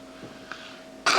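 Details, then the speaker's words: Hospital recording of a young boy with a hole in the heart, awaiting closure surgery, giving one abrupt loud cough on request while the doctor listens to his lungs: a voluntary cough. "Now you cough. Good cough! That was very good!"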